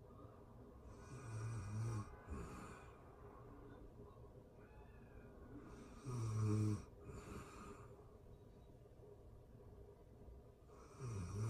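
Rumbling inhaled snores about every five seconds with quiet breathing between, in a quiet room; ordinary snoring.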